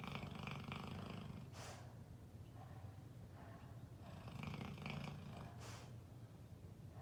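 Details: Sleeping companion who snores almost all the time: soft, rumbling, rhythmic breathing with a low purring-like vibration; snoring.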